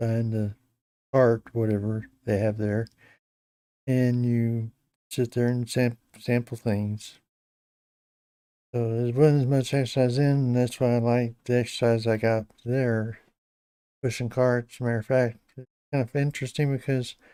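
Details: Hypokinetic dysarthria in an adult man with Parkinson's disease for a little over 10 years, treated with deep brain stimulation since 2017; he reports his voice has gone down and is less clear than years earlier.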